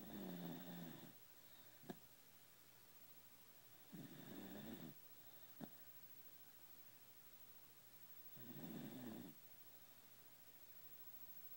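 Three low, rattling snore bursts on breathing in, about one every four seconds, with soft clicks between them in a quiet room. Ordinary snoring.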